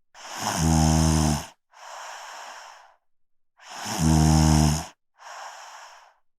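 Two loud, low, rattling snores on breathing in, each followed by a softer breathy exhale, at a slow sleep rhythm.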